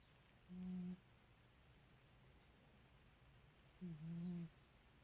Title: Liar cat snoring